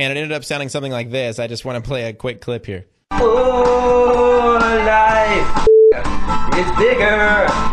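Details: Adult male speaker, then recorded song; ordinary speech.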